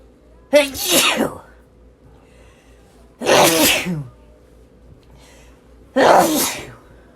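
Three loud, sudden sneezes a few seconds apart, each with a sharp explosive burst of air; ordinary sneezing.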